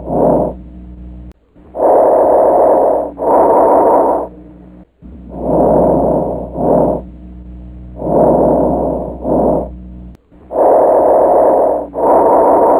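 Soft rustling breaths, longer breath in than out, with no gap between them: normal vesicular breath sounds.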